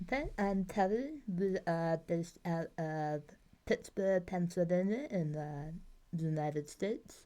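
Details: Articulation impairment in an adult woman after two bouts of tongue cancer treated with surgeries, chemo and radiation; communication difficulties.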